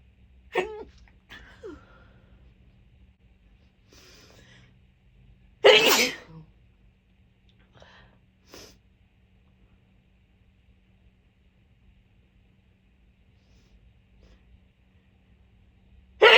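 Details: Tickly sneezing: a few quiet catching breaths, then one loud explosive sneeze and a final burst at the end, over a steady low background hum.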